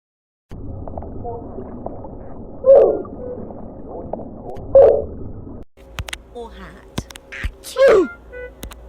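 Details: Three loud cartoon-style sneezes with sliding pitch over a steady background hum and music; sneezing sound variations.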